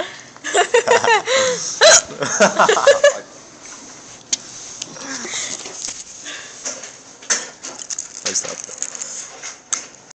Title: Listen to my hiccups! Lol